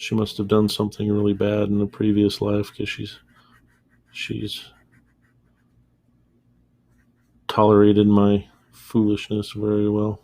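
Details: Adult male with a self-described small stutter that worsens when stressed, upset, angry or embarrassed; he says he trained himself to avoid audible stuttering, so it mostly appears as mid-sentence pauses; stuttering.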